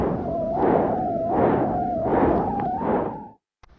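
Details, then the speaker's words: Bruit of a haemodialysis vascular access with flow dysfunction: a pulsatile whooshing at about 80 per minute, with a harsh, higher-pitched component in each beat. "in contrast the brewery of the vascular excess with flow dysfunction may sound like this"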